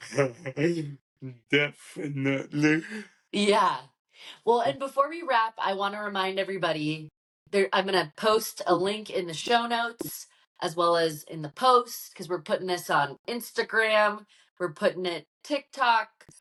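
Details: Adult woman speaking, with a brief reply from a second speaker; normal speech.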